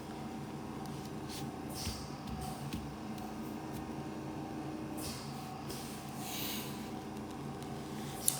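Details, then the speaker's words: Home oxygen concentrator used by the speaker's father, running as a background breathing-machine sound. "La machine que vous entendez en arrière, le son, c'est le concentrateur d'oxygène de mon papa."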